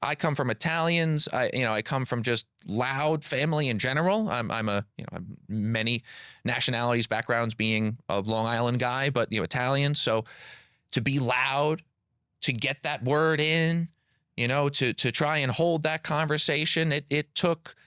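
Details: Stuttering in an adult man who describes himself as a stutterer, with word and part-word repetitions.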